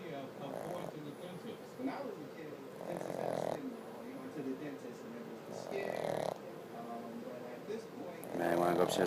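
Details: Female pug in deep sleep, snoring with eyes open and not waking even for a treat: rough, rattling snores about every 2.5 seconds, with a snort near the end.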